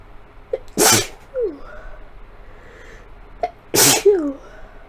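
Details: Two loud explosive sneezes, each followed by a short sigh or groan, from a person with a cold, sick for several days, over computer fan hum.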